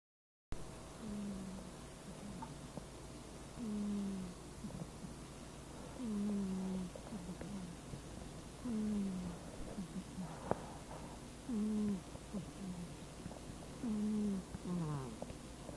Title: snores!